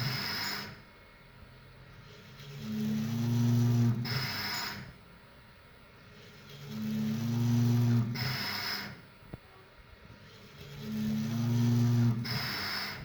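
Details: Ethiopian-made electromechanical mechanical ventilator (ET VENT) cycling at about 15 breaths a minute, each breath a rising whir with a hiss of airflow; touch screen shows pressure, flow and volume curves.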